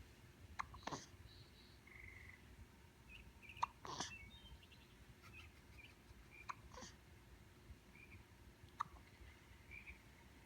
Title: Baby With Constant Hiccups